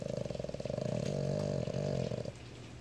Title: Boston Terrier dog sleeping with eyes open. Snoring like a grown man!